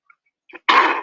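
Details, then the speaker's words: A faint voiced sound, then one harsh, forceful throat clear or cough, cut off, from an adult who reports laboured breathing, choking and an irritated throat. "I struggle to, I really struggle to breathe. And they choke me. That's when my throat's irritated now."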